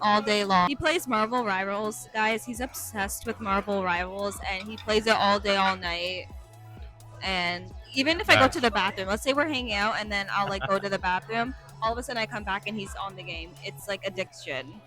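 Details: Adult woman speaking; ordinary speech.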